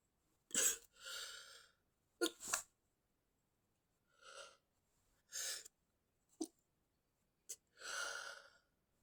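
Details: Induced sneezing, several sneezes, some sharp and stifled, others fuller with a breathy release, a few in rapid succession.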